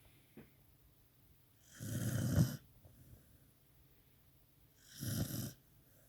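Two loud, rough, low rattling snores on breathing in, with quiet gaps between: snoring in a sleeping dog.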